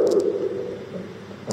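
Low-pitched, continuous snoring-like rumble through the breath, swelling louder near the end: rhonchi.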